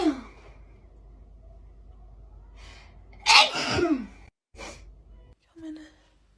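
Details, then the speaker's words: A sharp gasp, then one loud, explosive sneeze, then quieter breaths and a short vocal sound in a quiet room: a sneeze induced by putting garlic in the nose to clear the sinuses. "i put garlic up my nose to clear up my sinuses i'm trying to see if this actually helps i saw it on tick tock so i'm trying out you put garlic up your nose and it's supposed to like clear your sinuses but i'm like squeezing a lot"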